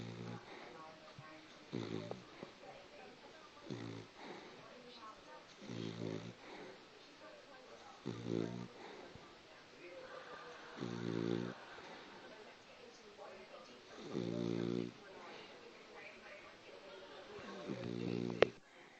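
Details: Cockapoo dog snoring while asleep: repeated low, rattling snores on each breath, about every two seconds; snoring.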